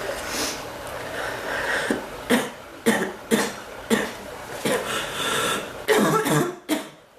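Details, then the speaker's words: Cough that hurts the back more than the chest and comes and goes; it had seemed to be letting up, then is back. About seven short, sharp cough bursts in a small room, some like throat clearing. "e my back than my chest to cough it seems like it gets better and it gets worse"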